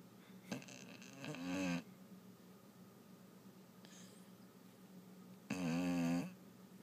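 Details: Bulldog sleeping soundly on a couch: two loud, rough, low rattling snores on the breath in, with quiet room noise between them; ordinary snoring.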